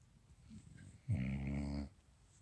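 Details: A sleeping dog's first snoring: one low, rumbling, buzzy snore lasting under a second, in a quiet room.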